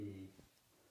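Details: Normal egophony test: patient says a drawn-out "E" during auscultation of the chest; the muffled E keeps its E quality, with no egophony. The E is more distinct at the top and less distinct towards the bottom.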